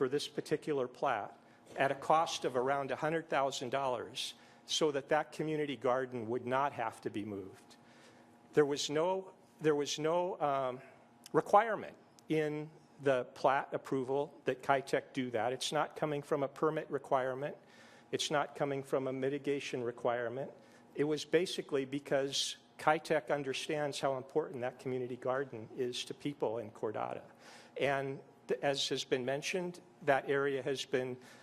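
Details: Adult male speaker; ordinary speech.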